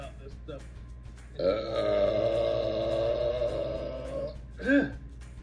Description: We try our hand at the Tik Tok sparkling water challenge for a second time! Here’s a quick montage of our burps!